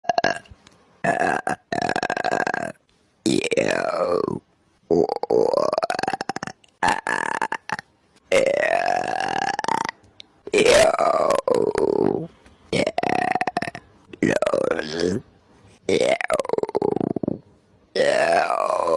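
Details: A run of about nine loud, drawn-out burps separated by short pauses: repeated belching.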